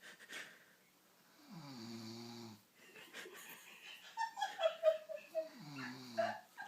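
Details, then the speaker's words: Woman asleep, denying she snores: rough, drawn-out breathing noises with murmured talk in the background; snoring. "this is proof that you snore"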